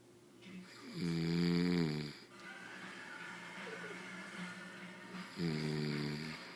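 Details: Snoring sounds from a sleeper.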